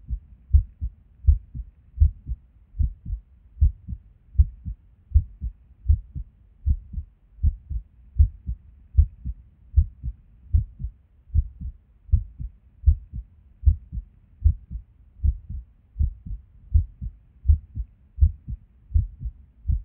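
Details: Resting heartbeat recorded at Erb's point while sitting at a desk: low sounds about 79 a minute, uneven spacing and occasional gaps; irregular rhythm with skipped beats.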